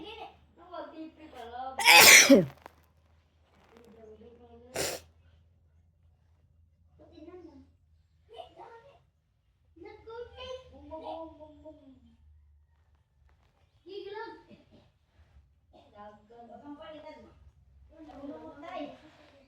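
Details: Sneezing set off by tickling: one loud, explosive sneeze, then a short sneezy burst and soft voiced sounds in a quiet room.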